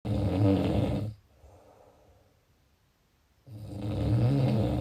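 Loud, coarse rattling snore on the breath, a quiet pause, then another snore beginning; ordinary snoring.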